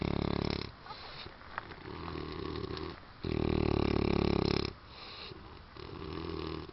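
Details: Man sleeping after a long drive and after drinking alcohol; loud heavy snoring, rattling snores on each in-breath alternating with quieter breaths out.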